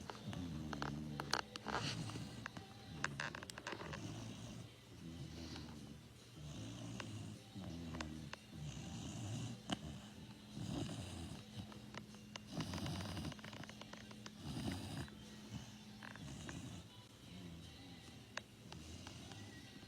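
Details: Sleeping British Labrador puppy, recorded in 2020, snoring in soft, low, rumbling bursts with each breath, with faint clicks in the background.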